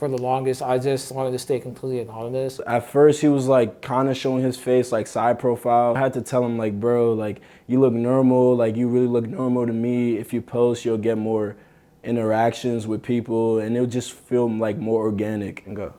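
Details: Adult men speaking, likely two speakers; ordinary conversational speech.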